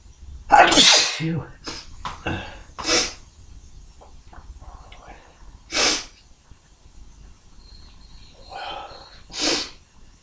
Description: Some tickly induced sneezes, quite forceful but my mic isnt picking up thee explosiveness for some reason, either way let me know if you like, if you like lol.